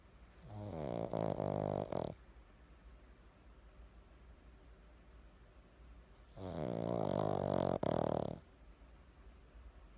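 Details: Pug snoring: two loud, rattling, buzzing snores a few seconds apart against quiet room noise; snoring in a small flat-faced dog.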